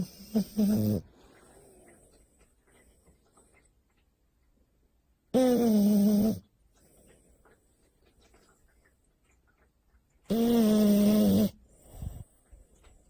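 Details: French bulldog snoring while asleep: slow, loud, buzzing snores about every five seconds with quiet breathing between; the owner then calls the dog to wake up.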